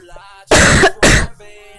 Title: korean girl coughing